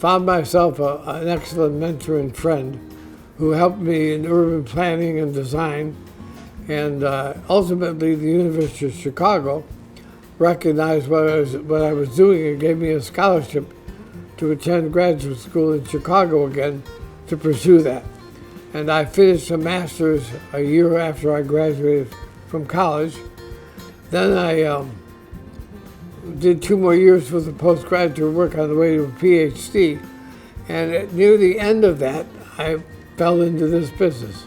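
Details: Adult man diagnosed with ALS (Lou Gehrig's disease), which he says is affecting his voice; he expects only a few more months of being able to work; dysarthria (amyotrophic lateral sclerosis).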